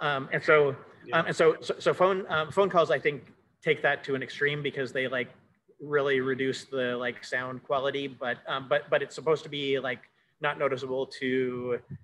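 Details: Cluttering in an adult male speaker who says he has cluttering.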